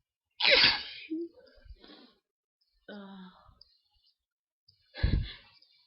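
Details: Forceful sneezes with a gasping breath between in a quiet room, at night from a person with hay fever (allergic rhinitis) and an itchy nose, unable to sleep.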